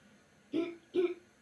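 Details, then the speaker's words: Adult swallowing-rehabilitation exercise after brain injury: seated upright, feet on firm surface, mouth closed, lips and teeth together, two brief muffled deliberate throat-clearing coughs as if clearing crumbs. "Необходимо откашляться, как бы прочищая горло от"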